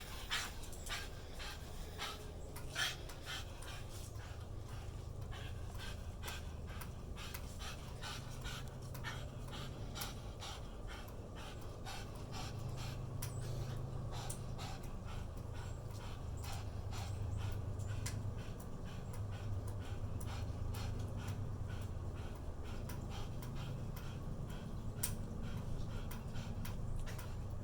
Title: Sanbiki Gasping